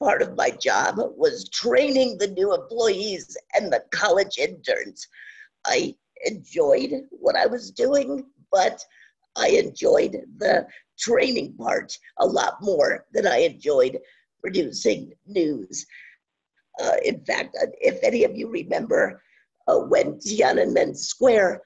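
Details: Adult woman with scratchy voice from spasmodic dysphonia, worsening since about 2010, no cure, treated with Botox shots; spasmodic dysphonia.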